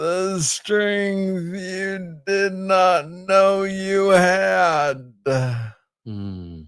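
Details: Adult man diagnosed with Parkinson's disease in 2014 at about age 35, first misread as tennis elbow; described as speaking slowly. Slow speech (Parkinson's disease).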